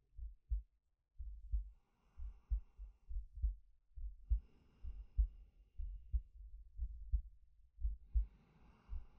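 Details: Soft, low heartbeat thumps with slow, gentle breaths over them, recorded from a male as a sleep-aid ASMR; an ordinary resting heartbeat with breathing.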